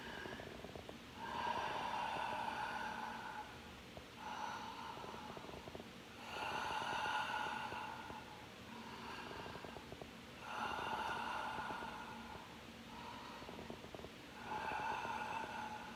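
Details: Sleep breathing, slow and regular at about 13 breaths a minute, with soft nasal snoring and sniffly snorts on each breath; snoring with sniffles.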